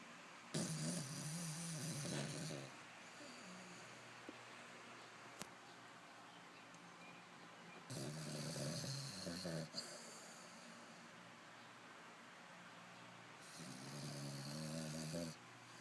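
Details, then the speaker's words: Sleeping puppy snoring, later woken: three long, rumbling snores spaced several seconds apart, with quiet breathing between them. "Were you snoring? You were snoring."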